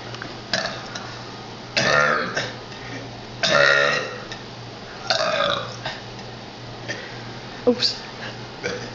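A series of loud, drawn-out burps, several shaped like spoken letters, with short pauses between: deliberate burping.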